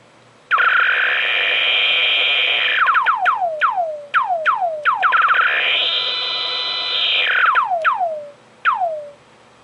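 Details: Crystal Probe SG04 surgical gamma probe for sentinel lymph node detection, demonstrated over two cobalt sources: the tone rises in pitch over each source and falls between them, with falling chirps; pitch tracks count rate.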